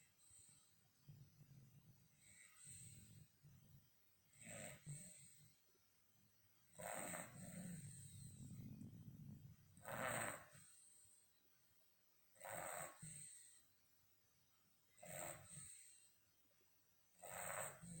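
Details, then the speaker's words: A sleeping dog caught on camera snoring: slow rhythmic snorting rattles and soft breathy exhales, about 24 breaths a minute. "Buster, Buster, Buster. Snoring, you're snoring."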